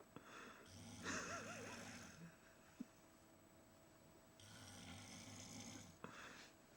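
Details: Two long, rattling snores on the in-breath, separated by quieter breathing; ordinary snoring during sleep.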